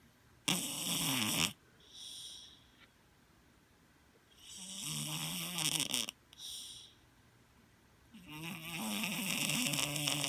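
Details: Sleeping cat, a former stray: loud, rasping snores a few seconds apart with softer whistling sounds between; noisy snoring breathing.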